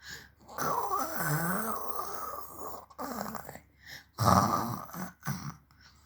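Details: Baby playfully imitating her father's snoring: rough, rattling, snore-like breaths in bursts.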